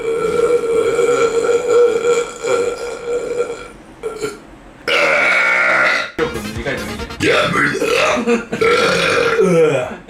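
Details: Burp compilation: long, loud, voiced belches over background music; repeated burping.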